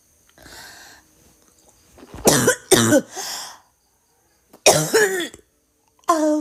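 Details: Woman coughing and vomiting: several forceful coughs in short bursts separated by pauses, with a brief throat sound before them.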